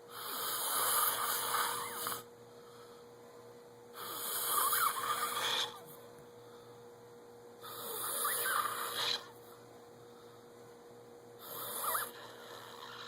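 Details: Person asleep with harsh, hissing snores on each breath, about four in thirteen seconds, over a steady electrical hum; snoring.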